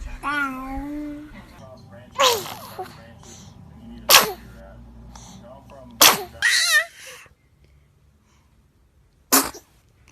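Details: Several short, sharp infant sneezes separated by pauses, with a brief baby vocal sound at the start; ordinary baby sneezing.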